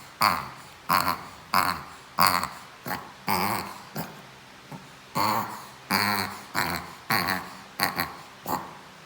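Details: 7-month-old Shih Tzu reverse sneezing: repeated harsh snorting gasps, roughly every half second.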